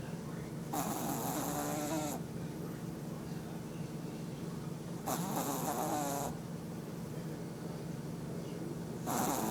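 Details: Teddy napping, loud rattling snores about every four seconds (roughly 15 per minute) with quiet pauses between; ordinary snoring during sleep.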